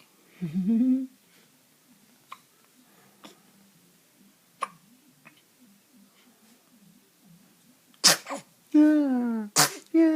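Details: Infant: brief coo, faint soft clicks, then a sudden sharp sneeze near the end, followed by voices in a quiet room; sneeze, possibly with hiccups.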